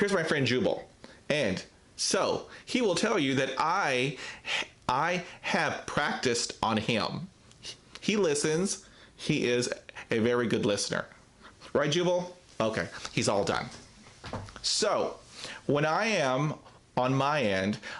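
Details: Real stuttering in an adult man who describes himself as a person who stutters, talking about a difficult speaking situation.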